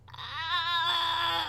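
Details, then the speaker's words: Person imitating the gagging noise of a small toy-breed dog, about 12 pounds, with allergies and much fur licking; possibly a hairball; said to be neither a cough nor a reverse sneeze; one high screechy drawn-out squeal. "she's not coughing she just makes this no it's not a reverse sneeze it's like this"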